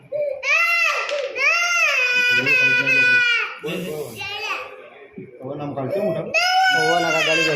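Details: Baby girl crying during an injection: loud, high-pitched wailing cries with sobbing catches between them; infant pain cry.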